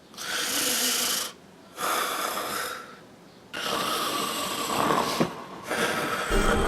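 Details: Staged comedy skit of snoring: loud rasping sleep breaths repeating with short quiet gaps between them.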